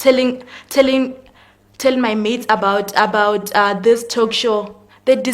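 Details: Speaker who has a stutter: stuttering.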